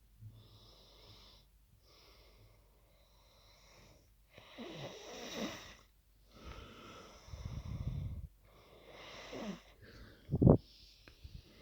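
Irregular noisy breaths with loud, low, rattling snores on several breaths in a quiet room. This is loud snoring during sleep.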